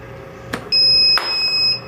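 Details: Eclipse 5 portable oxygen concentrator with battery installed and charging; AC power removed so it runs solely on battery: two clicks then a sustained high electronic beep, the power-source alert.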